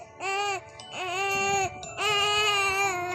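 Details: Baby boy crying for milk: three loud, rhythmic, high-pitched wails in quick succession, a typical hunger cry.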